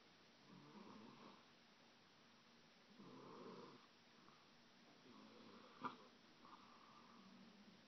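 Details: 21-month-old boy who fell asleep after reading his favourite book, snoring softly with fluttering snores at about 25 breaths a minute and a brief click midway; snoring.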